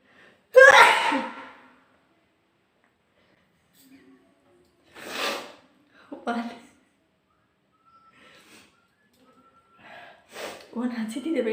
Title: sneezing challenge ||Requested video ||sneezing challenge |